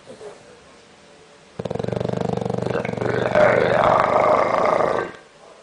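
A single long, loud, rough fluttering breath lasting several seconds, like a rattling growl: snoring in a flat-faced dog.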